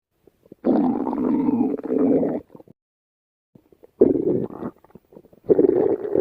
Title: Stomach Growling